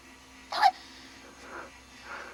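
A single sharp, abrupt hiccup followed by quieter breathy sounds; a hiccup.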